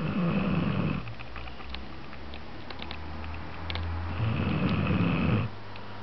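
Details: Ordinary snoring: two loud, low, rattling snores on the in-breath, separated by a quieter out-breath, in a small room.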